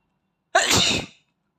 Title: Asian boy sneeze close up (M)